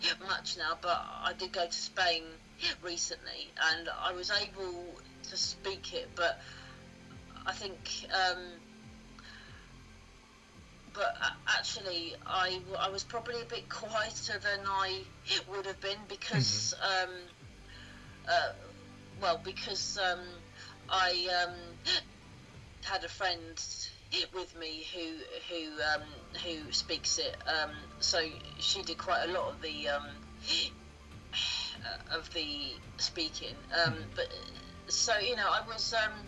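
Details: Stuttering with blocks, repetitions and many fillers in an adult woman who has stammered since childhood (onset stated as about age two or three, and also as age seven, 33 years ago).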